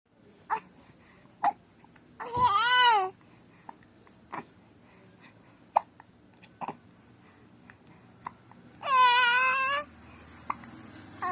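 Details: Repeated short, sharp hiccups at irregular intervals, with two drawn-out babbling or fussing sounds between them: hiccups.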